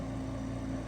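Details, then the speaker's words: Home oxygen fill station filling a portable tank for a five-liter oxygen concentrator: steady low mechanical compressor hum with fast rhythmic pulsing, running until the tank shows full and the green light comes on. "once the filling is complete and the tank is full it'll say full here and your green light will come on"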